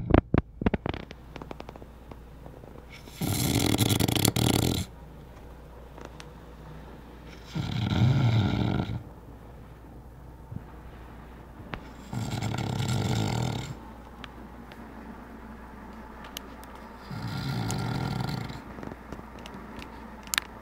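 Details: Sleeping man snoring: four loud, rasping snores at a slow, steady rhythm, about 12 breaths a minute, with quiet breathing between; ordinary snoring.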